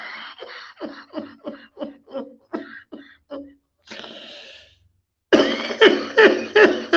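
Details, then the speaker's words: A man who says his cough is still very bad and that he forgot his lung medications has a coughing fit of rapid rhythmic bursts, a breathy exhalation, then louder harsh bursts, possibly mixed with laughter; cough. "oh you see you can hear my cough still very bad and uh i know why i forgot something take my long medications"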